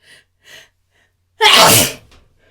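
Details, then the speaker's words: A person having a sneezing fit: two quick sharp in-breaths, then one loud explosive sneeze, followed by saying they still have to sneeze. "I still have to sneeze. Oh my god. Oh my god."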